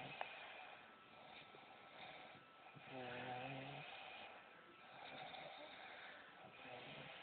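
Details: Soft, hissy breathing with one low buzzing snore in the middle over a quiet background hum; light snoring.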